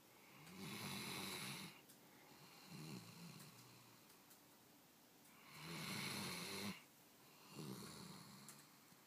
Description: 2 years old German Shorthaired Pointer is snoring with open eyes.